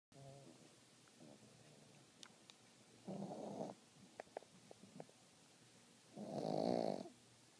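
Two rattling, buzzing snores with quiet breathing between them, against soft room noise. Snoring.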